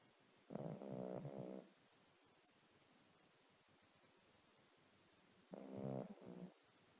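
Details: A female dog sleeping on her owner's bed in the morning, snoring loudly enough to keep the owner awake: two loud, rattling snores about five seconds apart with quiet room noise between.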